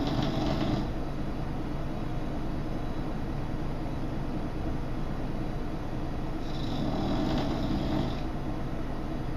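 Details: Low, rough, rumbling breath noise with two louder, breathier swells several seconds apart over a steady rattle: snoring from Emma, a bulldog sleeping soundly.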